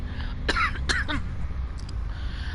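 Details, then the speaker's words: A quick cluster of two or three short, dry coughs from an adult woman with a current cough problem, over a low, steady background hum during a livestream; cough. "Sorry about that cough, guys. I have a little bit of a cough issue right now."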